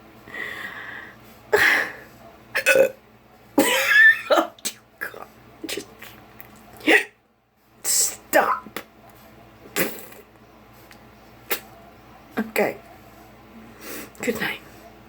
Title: Hiccups. Kill me.